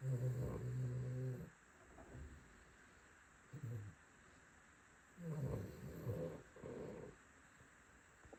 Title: Poppie snoring 15.7.26 #cavalier #snoring